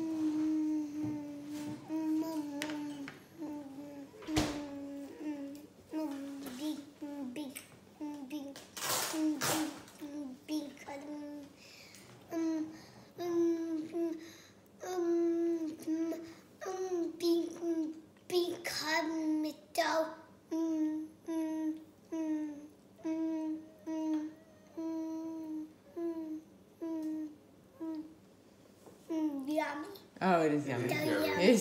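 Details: Stuttering in a child's speech sample.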